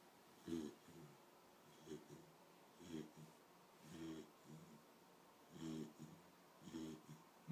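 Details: Quick, regular snorting snores during sleep, about six in seven seconds, each a short rattly breath; snoring.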